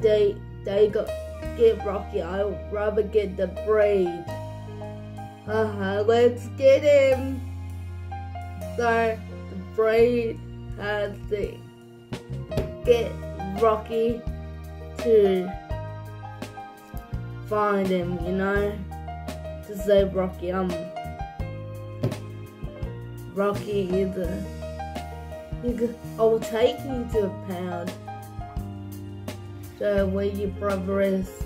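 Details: Young speaker narrating a story; dysarthric speech associated with cerebral palsy.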